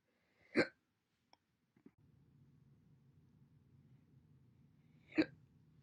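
Two abrupt, short hiccup sounds about four and a half seconds apart, each a sudden sharp catch of the breath, with faint background hum.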